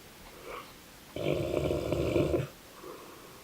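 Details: Dogue de Bordeaux (French Mastiff), sleeping: one loud, rough snore on a breath lasting about a second, between quieter breaths; snoring.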